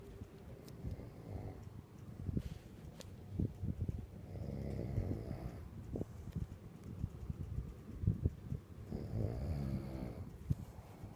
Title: I guess I do snore !!!!